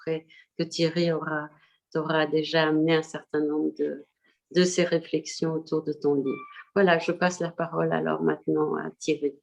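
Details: Adult speaker; normal speech.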